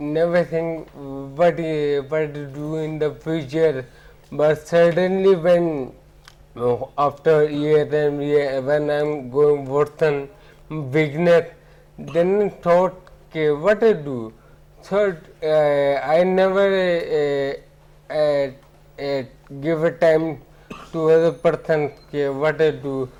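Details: Ataxic dysarthria in an adult man with ataxia, symptoms beginning around 2007, about a year after marriage.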